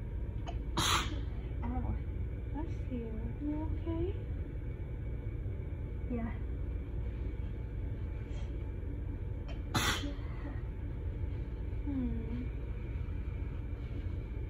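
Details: Two sharp, itchy, wet sneezes about nine seconds apart with sniffly breathing over road hum, in an intense allergic fit after bleach-water exposure and pollen, while drowsy on nighttime medicine, with a partner saying bless you.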